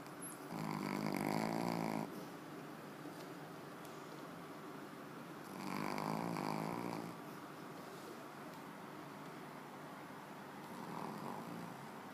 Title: Daisy, the snoring dog